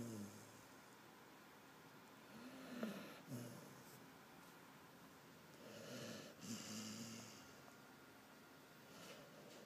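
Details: Light snoring: soft, uneven breaths with faint snorting, about 19 a minute, over quiet room noise.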